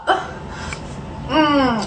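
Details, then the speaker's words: Hiccup: an abrupt catch of breath followed by a voiced, gasping squeak, from a person with a persistent, bad case of hiccups that holding the breath has not relieved. "I have a really bad case of the hiccups and I can't get rid of them they just won't go away"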